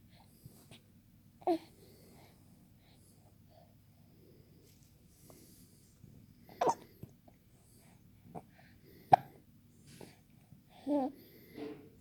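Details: 3-month-old baby boy with hiccups: soft, brief catches of breath about every two to three seconds, four or five in twelve seconds, in a quiet room.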